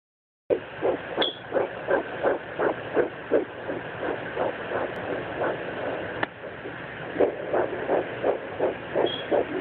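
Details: Fetal Doppler over the abdomen at 10 weeks of pregnancy: rapid, regular whooshing fetal heartbeat at about 170 a minute.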